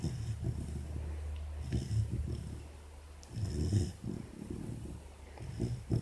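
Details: Snoring: a sleeping 4-month-old female Labrador puppy with an ear bud in her mouth gives low, soft snuffling snores over a steady background hum.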